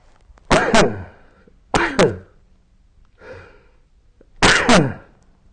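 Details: Sneezing during sleep recorded with the SnoreLab snoring app: three sharp, explosive sneezes, each a quick double burst, from a sleeping adult in a quiet room.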